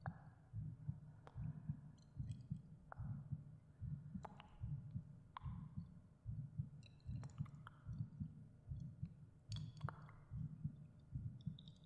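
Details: The creator's own heartbeat recorded for a binaural ASMR meditation: soft, regular low thumps about 74 per minute with faint clicks and gentle echo effects; a steady heartbeat.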